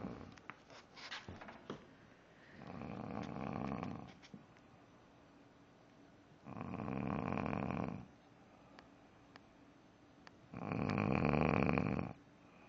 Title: Snoring Snoring Snoring